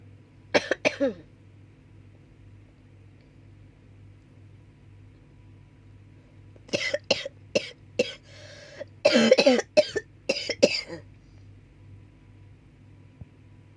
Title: coughing